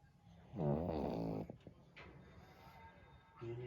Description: Funny pug snoring….